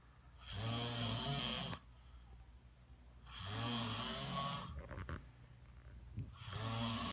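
Loud, rough snoring on each breath in, about 20 breaths a minute, with quiet exhalations between; typical sleep snoring.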